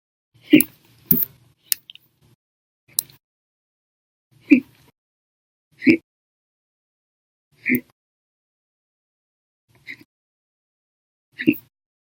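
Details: Sharp, abrupt gulping hiccups in a quiet room, about nine over twelve seconds, some loud and some faint; a violent, persistent bout that lasted 13 hours after breakfast, lunch and a cup of soda after dinner; hiccups.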